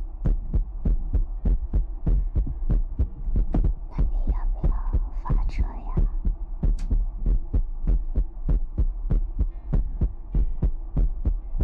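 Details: ASMR livestream with mouth sounds, finger guidance, ear picking and water-drop bottle: steady, regular low thumps at about 97 a minute with soft mouth and tapping sounds over them; heartbeat.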